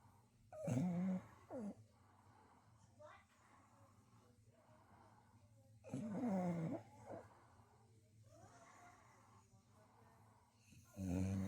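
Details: Loud, human-like snoring from a female beagle-bulldog asleep on a couch: groaning nasal snores with whistling tones on each breath, about two breaths in ten seconds, over a low room hum.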